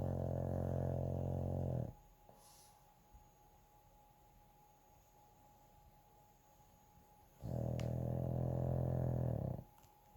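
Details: Sleeping pug (flat-faced dog) snoring: loud, deep, rumbling snores of about two seconds each, with quiet pauses between.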